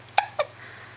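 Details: Two brief, sharp, voiced hiccups within about a second from a 3.5-month-old baby boy, with a faint steady room hum: infant hiccups.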